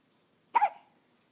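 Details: 2½-week-old infant girl with hiccups for about 10 minutes despite patting, fussy: a single short, abrupt voiced hiccup in a quiet room; infant hiccups.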